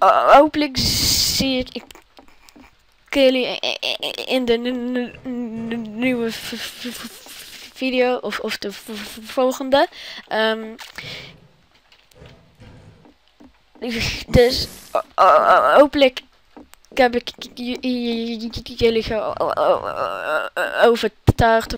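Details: Suspected stuttering in a Dutch-speaking gaming host, inferred only from his channel being named "Stuttering Games".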